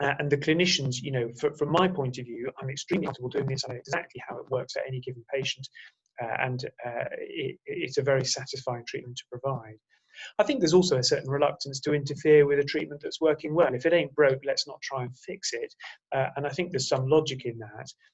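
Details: Adult man speaking; normal voice.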